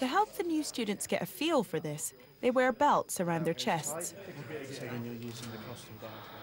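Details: Adult narrator; typical speech.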